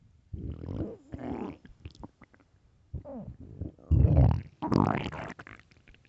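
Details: Loud gurgling, rumbling stomach growls in bursts from a very hungry stomach: borborygmi, hunger-related bowel sounds.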